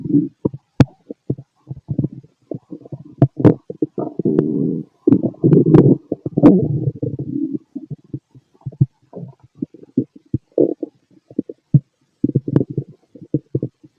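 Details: Stomach growling from a fit male heard through a stethoscope: frequent gurgles, clicks and longer rumbling runs over the abdomen; active, normal bowel sounds.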